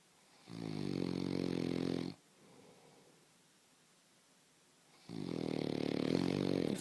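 Two loud, rattling inspiratory snores about three seconds apart with quiet exhalation between: heavy snoring during sleep.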